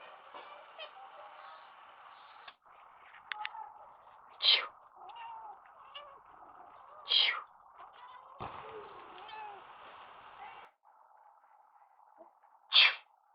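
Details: Three short, sharp sneezes from a cat against a steady background hum: cat sneezing.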